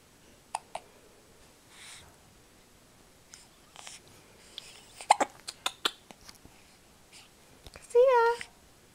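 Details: A young girl hiccuping: short, sharp catches of breath at irregular intervals, with soft breaths and a brief vocal sound at the end.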